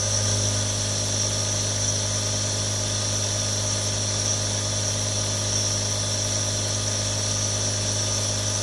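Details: Real sound of three different nebulizers running: steady mechanical hum with hissing airflow, unchanging throughout.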